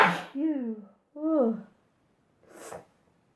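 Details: Sneezing compilation: a sharp intake and two voiced rising 'ah' build-ups, then a final sneeze burst; ordinary sneezing.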